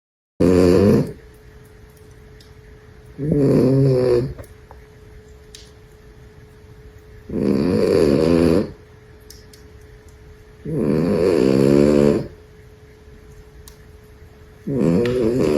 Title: Goldy's Farm. Tiny Wanda Snores Like the Big Dogs 💤💤